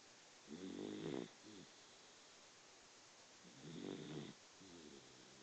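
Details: Female Dachshund snoring while asleep, recorded on a BlackBerry 9780 phone: two long, buzzing snores about three seconds apart, each followed by a softer breath out; quiet, so volume may need raising.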